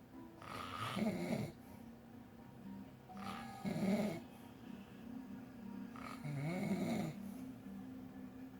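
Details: Sleeping adult man (boyfriend) with three rattling, wavering snores, about 20 a minute, against faint background noise: snoring with an unusual fluttering quality.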